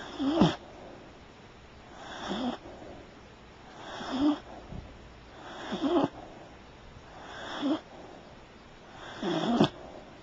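Regular snoring with a rising rattle on each breath, about 30 breaths a minute, from a sleeping cat.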